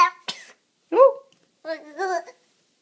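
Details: Single sneeze amid a child's playful talk and funny faces: a sharp burst of air followed by a vocal release.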